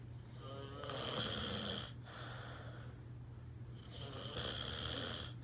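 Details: Father snoring: loud, harsh, rattling snores in slow repeated breaths, each about a second long, over a steady low room hum.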